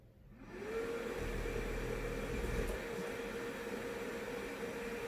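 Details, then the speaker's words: A CPAP machine, used daily for sleep apnea, switched on right after a SoClean 2 sanitizing cycle: the blower starts and settles into a steady airy hum with a faint whine; ozone smell noted afterward. "and this is what I've heard on a few reviews on doing it this way is to turn on your machine"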